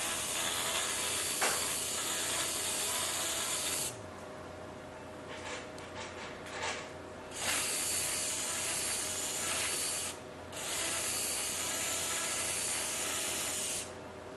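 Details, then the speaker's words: Loud motorized hissing whir in bursts with brief pauses: arthroscopic bur in water with suction smoothing the hard, sclerotic coracoid (coracoplasty) in a 66-year-old man's shoulder during arthroscopy for subscapularis, rotator cuff and biceps tears. "this is a motorized instrument we're going to shave down this is water the medium is water we have suction and this coral plate is quite hard and sclerotic which is why i got that subscap in trouble but you can see now we're shaving it down it's going quite excellent smoothing of the coracoid"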